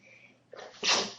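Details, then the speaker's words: Single sharp, forceful sneeze after a short in-breath; woman sneezing repeatedly during a makeup demonstration, announcing "hold on, I might sneeze." "I'll show you it hold on I might sneeze"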